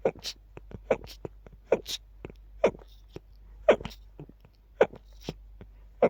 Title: Unbelievably quiet and rapid sneezing fit